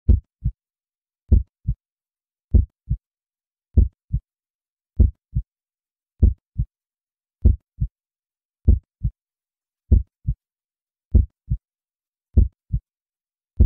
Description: Calm your mind with the natural sounds of the human heartbeat.